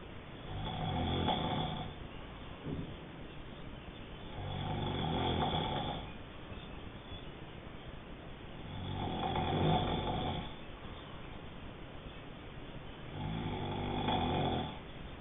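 Loud rumbling snores on each breath in, about 14 breaths a minute, with quieter breaths out between; ordinary heavy snoring.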